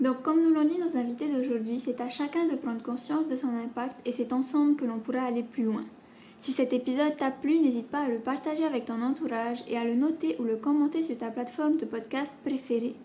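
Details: Adult woman speaking French; typical speech.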